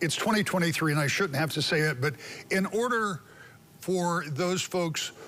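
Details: Adult man speaking; normal fluent speech.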